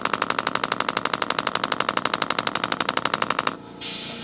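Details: Rapid evenly spaced sharp clicking pulses, about four a second, stopping abruptly, from a radial shockwave device on a tight spot of an adult man's deltoid for shoulder pain, about 6/10 discomfort; radial shockwave therapy device firing.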